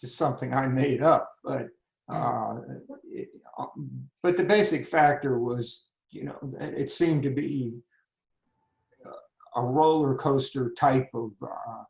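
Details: Adult man with spasmodic dysphonia that began at age 51, managed without Botox; spasmodic dysphonia.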